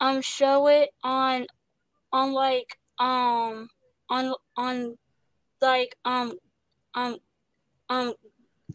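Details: Stuttering in a young woman, an actress, with repetitions and interjections.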